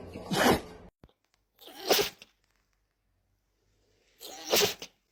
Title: Dogs sneeze #dog#funny#funnyanimals #funnypets #animals